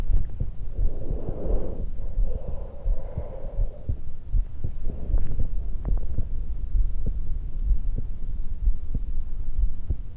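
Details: A 20-year-old woman just after waking, lying on her back in bed, with a stethoscope microphone at the notch at the base of the throat. Steady low heartbeat with slow breaths rushing over it; normal heart and breath sounds.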